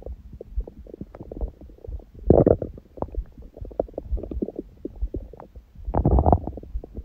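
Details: Own abdomen recorded after a large first meal at 16:00 following fasting on water only since 19:00 the previous day, and after ab workout; frequent gurgling and rumbling with louder bursts: normal active bowel sounds.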